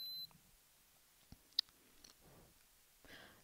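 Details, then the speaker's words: Ear temperature taken with a Pro 6000 thermometer with probe cover on a Welch Allyn Connex Spot Monitor during a demonstration: short high electronic beep, then quiet clicks and handling sounds; ear thermometer beep. "attach a probe cover to the tip of the thermometer and take the patient's temperature from the ear"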